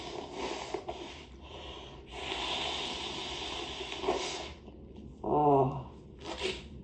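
Breathy inhalations followed by a long noisy burst and a short voiced burst, consistent with sneezes muffled into a handkerchief.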